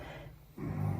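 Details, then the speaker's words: Someone snoring loudly and increasingly louder while asleep nearby, heard in the background as a person talks; snoring. "Mais au bout d'un moment, bah quand je parle en fait, vu qu'il ronfle fort"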